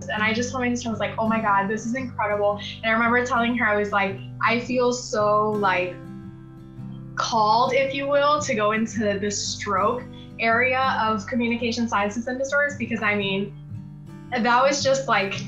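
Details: Adult woman speaking, with background music; normal fluent speech.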